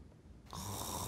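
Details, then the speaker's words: Snoring, illustrating upper airway muscles relaxing during sleep so the airway walls fall together and vibrate with the disrupted airflow. Educational example in the context of obstructive sleep apnea. "when the upper airway muscles relax the airway walls fall together limiting airflow the disrupted airflow can cause the airway walls to vibrate making the sound we call snoring"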